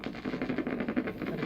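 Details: Needle EMG of the upper trapezius (spinal accessory nerve) during a shoulder shrug: rapid, rhythmic crackling pops from the speaker, normal voluntary motor unit firing.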